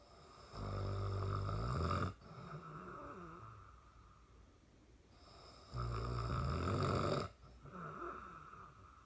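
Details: Father snoring: two loud, low rattling snores on the in-breath, each followed by a quieter out-breath, about 13 breaths a minute.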